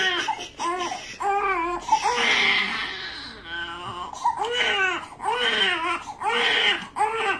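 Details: Newborn pain cry during circumcision: repeated loud, high, strained wails with short gasping breaths between them.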